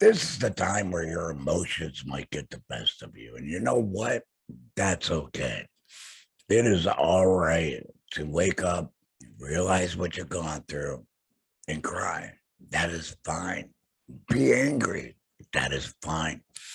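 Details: Adult male laryngectomee after throat cancer, vocal cords removed, who mentions tracheoesophageal voice prosthesis use; alaryngeal (tracheoesophageal) speech after total laryngectomy.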